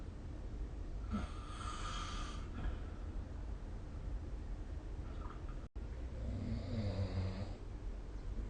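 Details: Snoring during sleep recorded with the SnoreLab smartphone app: low, rumbling snores on two breaths over a steady background hum.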